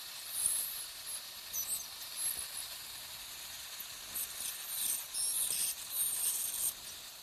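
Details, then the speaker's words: Ultrasonic piezoelectric bone saw with depth marks cutting crestal osteotomies during dental sinus surgery, near the canine root: faint high hissing and chirping bursts over a watery spray. "this saw cuts vertically as as well as as sagittally so it you gives you a two-dimensional in ision I just switched it's the same the same concept it's a bone saw"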